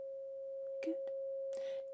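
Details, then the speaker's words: Simulated ASMR cranial nerve exam, Weber test: a tuning fork placed on the centre of the head while the listener is asked if it sounds equal on both sides, giving a steady pure tuning-fork hum over soft background sounds. "and this is the tuning fork which I'm going to be popping on to the center of your head okay and I want you to tell me if you can hear it sound and if it sounds equal on both sides"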